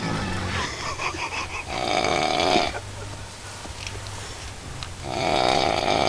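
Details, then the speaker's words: Very drunk man sleeping in a tent while camping at night, July 3: loud, rough, rattling snores on the in-breath with quieter breathing between, recorded outdoors with background noise; louder of two snorers. "number one that's really something tent number two that's not so tent number one is kicking tent number two's ass in the snoring"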